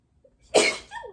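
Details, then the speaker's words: A single sharp, explosive sneeze from an adult talking while showing knitting, with a faint inward breath before it and a brief exhale after, in a quiet small room, followed by an apology. "La couleur, ça doit être le rouge, ça doit être au Canada ou traîneau, puis le vert, je sais pas trop, mais j'ai éternué."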